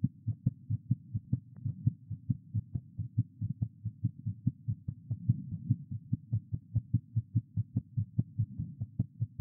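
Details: Rapid, regular heartbeats of a female patient heard through a doctor's stethoscope at about 140 beats a minute: a fast heart rate (tachycardia).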